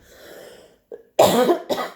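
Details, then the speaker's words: An adult speaking during a talk apologizes and gives two short, forceful, dry-sounding coughs after a faint intake of breath, in a quiet room. "Excusez-moi. Je tousse."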